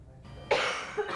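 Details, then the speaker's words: An adult's cough from a lingering upper respiratory illness nicknamed the "90-day cough", possibly bronchitis and most likely viral, spreading around an office; cough. "sound familiar oh that's exactly the cough I've got bad news we have a fun name for it we called it the 90day cough"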